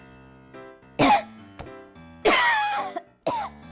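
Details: Cough in a staged comedy skit; a family member asks why she is coughing and she answers that she is fine.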